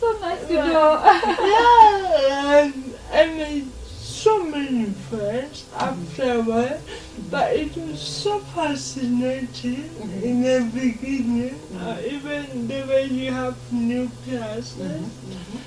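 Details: 26-year-old woman with lifelong cerebral palsy who began talking much later than other children; real, not acted; dysarthria in cerebral palsy.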